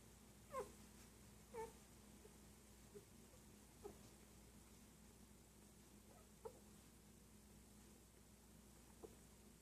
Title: Newborn collies, hiccups